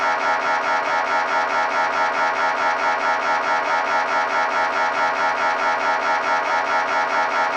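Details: MRI scanner sample sound for patient preparation: loud, steady, rapidly pulsing mechanical buzz at an even rhythm; typical imaging noise.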